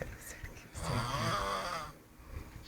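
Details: Person snoring after drinking five pegs of rum: a single loud, rough, rattling snore of about one second, with quieter breathing around it and faint room noise.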